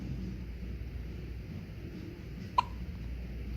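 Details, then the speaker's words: Sleeping baby girl with hiccups: one soft, brief hiccup click against steady room noise. "she's got the hiccups."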